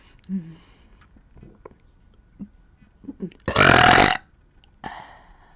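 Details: A girl burping: a loud, drawn-out belch of about half a second, with a few small throat sounds and breaths around it.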